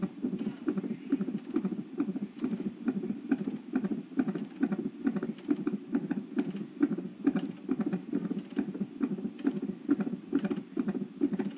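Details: Non-stress test at 38 weeks pregnant, baby measuring large: rapid, regular whooshing fetal heartbeat on the monitor at about 136 beats a minute, with beeps marking each fetal movement the mother felt.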